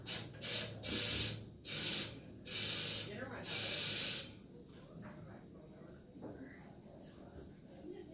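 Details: Anesthesia machine leak test with the breathing tube occluded by thumb or palm: repeated loud hissing oxygen flush bursts filling the reservoir bag until the manometer reads 20.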